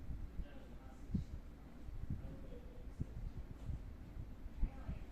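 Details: Husky dog (Sky) with hiccups, rhythmic hiccup sounds.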